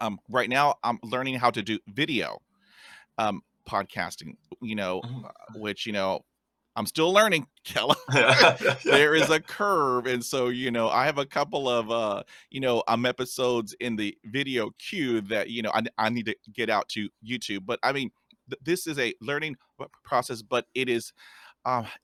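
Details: Adult man, a podcast host, who stutters; stuttering.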